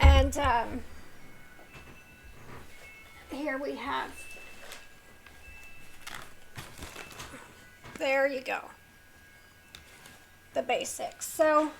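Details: Vocal tremor in a woman with a neurological condition causing tremor of the hands, voice and head plus mild tardive dyskinesia; she strains to talk.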